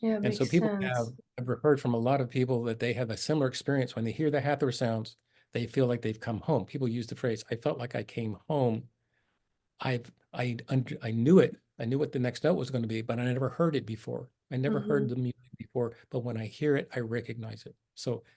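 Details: Adult speaker; Normal speech.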